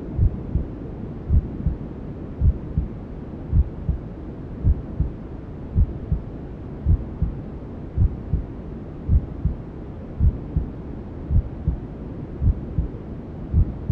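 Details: Maternal heartbeat sound with white noise and other womb sounds, for settling a newborn to sleep: regular low thumps about 54 a minute over a soft steady hiss.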